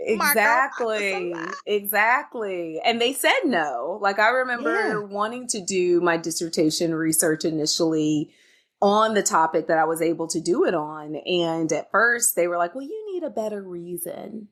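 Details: Adult woman speaking; no speech disorder.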